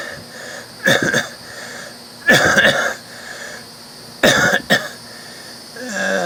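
Harsh, high-pitched noisy breaths recur in strained bursts about every two seconds, fitting stridor from a narrowed upper airway.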